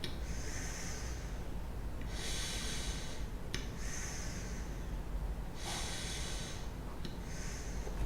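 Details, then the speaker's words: Demonstration of a pressurized metered-dose inhaler with a large-volume spacer taken with five normal tidal breaths, a technique for very young, elderly, debilitated or severe patients unable to hold their breath: sharp clicks of the canister firing and hissing breaths through the spacer. "outra técnica nós vamos sacudir o pó na boca disparado e respira cinco vezes em valor corrente"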